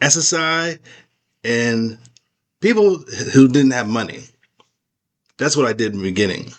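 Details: Adult man with aphasia after a stroke; post-stroke aphasia.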